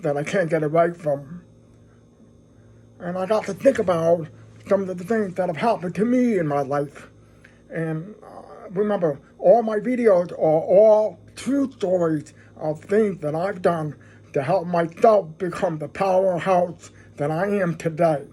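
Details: Deaf speech in a man who describes himself as deaf with a "deaf voice".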